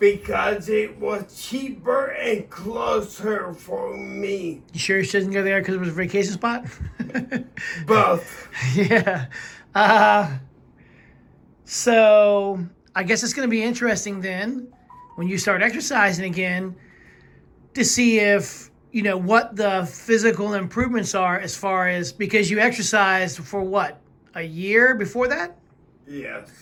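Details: Adult conversation, mainly one interviewer with brief replies from a second speaker; typical speech.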